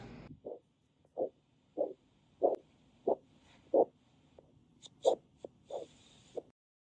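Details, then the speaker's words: Lower limb arterial Doppler study: regular single dull whooshes, one per beat at about 90 a minute, with no second or third component, giving a monophasic arterial Doppler signal. "Alright guys, so the final waveform that I've experienced is the monophasic waveform."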